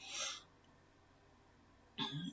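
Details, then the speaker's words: Two short, harsh throat-clearing bursts separated by a quiet pause; the speaker says he frequently clears his throat, possibly a Tourette's tic, also when nervous. "i'm sorry i keep also sometimes clearing my throat a lot it can be a tourettes tick also when i'm nervous or whatever"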